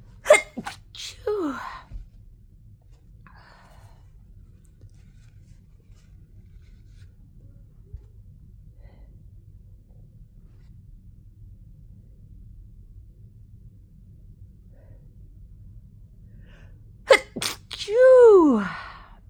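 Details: Post sneezing fit arriving suddenly about 5 minutes after earlier sneezing: several sharp sneezes in quick succession, quiet breathing, then another burst ending in a high drawn-out cry.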